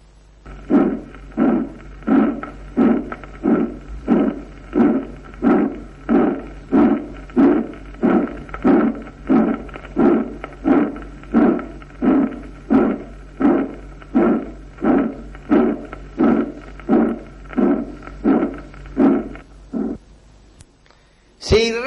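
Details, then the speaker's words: Aortic stenosis: regular heartbeat near 90 a minute with harsh, rasping crescendo-decrescendo mid-systolic ejection murmur at second intercostal space, best heard with patient sitting, leaning forward, in forced expiration. "Se ausculta mejor en posición de azulay, con el enfermo sentado, inclinado hacia adelante y en expiración forzada. Escuchémoslo."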